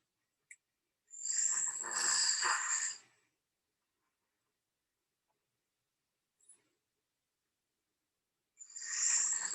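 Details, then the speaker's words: Soft, airy snoring from a sleeping pet dog, with about two-second noisy breaths spaced widely apart; the vet check advice given is general, not a diagnosis of this dog: snoring. "that okay sawyer's snoring so if your dog is snoring you may have him checked by a vet um to make sure he's not having some breathing issues"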